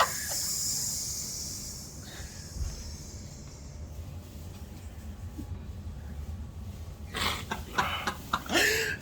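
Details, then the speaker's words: Man's unusual sneeze, heard twice, likened to air rushing out of a bike inner tube: long high hissing rush fading out, then a few sharp bursts over faint room noise: sneeze. "when he sneezes, it's like a fucking inner tube of a bike or somebody letting out the air in a bike."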